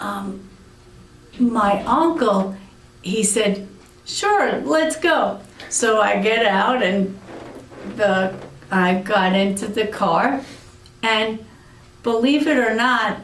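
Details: Aphasia in an adult woman after a severe stroke about eight years earlier.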